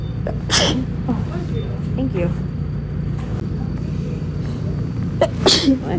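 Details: Random sneezes from a July compilation: two abrupt sneezes over steady traffic-like background noise, with voices between them.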